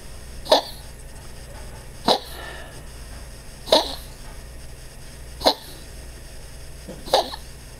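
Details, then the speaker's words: Dog (Angel) on day 2 of transfer factor, tired, with repeated sharp coughs about every 1.5 seconds; vet attributed the cough to tracheal collapse combined with heart disease, x-ray showing enlarged heart pressing on trachea. "this is the cough coughing and rushing she does which the vet said was a combination of her heart and the collapsing trachea"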